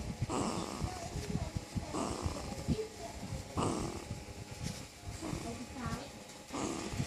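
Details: 1-month-old puppy asleep: soft, rough snoring breaths recur about every 1.6 seconds, roughly 37 a minute, with faint snorts between them; snoring.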